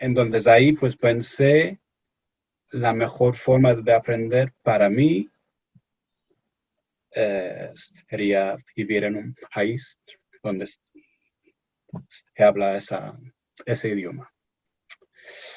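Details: Stuttering in an adult male from England speaking Spanish as a second language in an interview; he reports anxiety and pressure when speaking.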